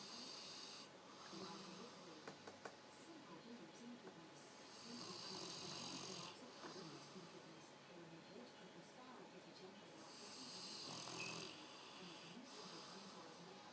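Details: Sleeping dog snoring loudly: noisy, rasping breaths over a hissy background; ordinary canine snoring.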